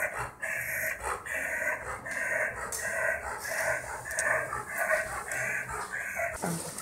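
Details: Dog with noisy upper-airway breathing: rapid, harsh, high-pitched stridor at about 95 breaths per minute. This puts the dog at increased risk of heat stroke in summer.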